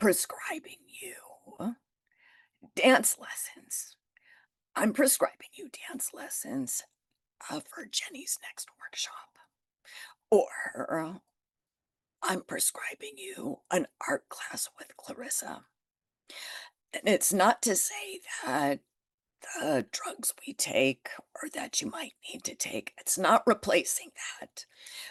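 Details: Adult woman with spasmodic dysphonia that began after stress and illness while building her business. It is still present and being managed naturally, without Botox: spasmodic dysphonia.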